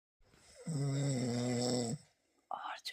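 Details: Husband snoring at night: one long, loud, rumbling snore on an in-breath in a quiet room, followed by a brief rustle.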